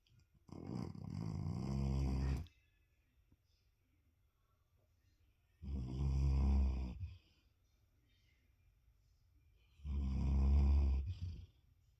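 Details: Snoring while asleep: three deep, rumbling snores about 14 a minute, each one to two seconds long with quiet pauses between.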